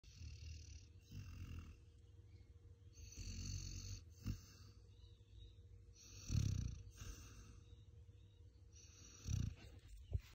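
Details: A sleeping vizsla dog gives low, rumbling, irregular snores with soft breath sounds between them; snoring.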